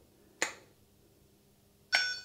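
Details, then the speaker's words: SAV04 small animal veterinary ventilator daily check with no patient: thumb squeezed over the blocked port raises pressure by 10 cmH2O, giving two sharp clicking puffs as it triggers; normal sensitive triggering in a leak test. "just the compression of the gas in there from the movement of the ball of my thumb into that area is enough to raise the pressure by 10 centimeters and trigger the ventilator so just like this trigger trigger"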